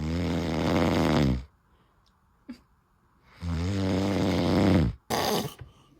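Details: Unusual, weird snoring from a sleeping partner: loud, rattling snores on two long breaths, each ending with a sharp snorting gasp.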